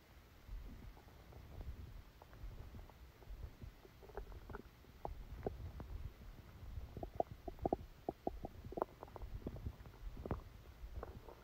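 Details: Stomach rumbling: soft, frequent gurgles, clicks and low rumbles over a quiet hiss, active bowel sounds recorded while sleeping with a stomachache that began after Christmas dinner.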